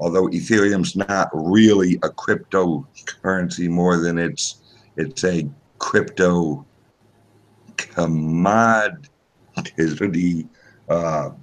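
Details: Male podcast guest's self-reported speech impediment, type not named; disfluent speech heard. Finding: speech impediment.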